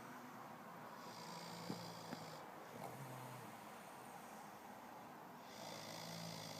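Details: Male snoring during sleep: two slow, rough, rattling breaths about four seconds apart over faint room hiss.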